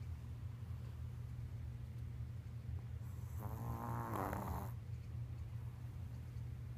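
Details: Snoring: a single rough, rattling snore over a steady low hum of background noise.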